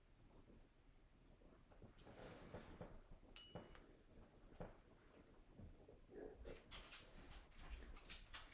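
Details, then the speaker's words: Nurse practitioner student's abdominal exam with the patient's knees up, auscultating the iliac and femoral arteries and comparing side to side; no bruits heard; no abdominal aortic bruit. "comparing side to side making sure there's no defining moving into iliac no breweries noted and then into the femoral no breweries"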